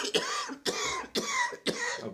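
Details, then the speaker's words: Simulated teaching scenario in a geriatric care series: an older male patient gives four harsh, evenly spaced coughs in about two seconds; the clinician then hears fluid in his lungs. "it sounds like you're coughing a lot. This might be a good time to listen to your lungs."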